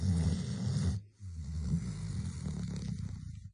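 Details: A sleeping pet dog snoring, with low rumbling, rattling breath noise and a brief pause.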